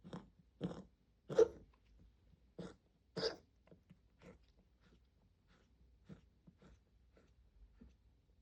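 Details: Cough in a cat with stage C heart disease and pulmonary edema on X-ray, earlier misdiagnosed as bronchitis: short, soft, repeated hacking bursts fading to quieter ones.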